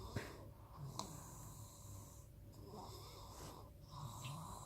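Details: Repeated rough, whistling breathing noises during sleep, described as a not really loud snore; snoring.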